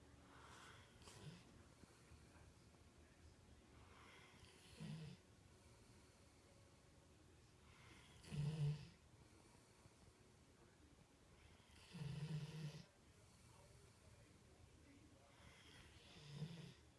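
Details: Sleeping, very tired Rhodesian Ridgeback dog snoring: soft, low snorts about every four seconds over quiet room noise.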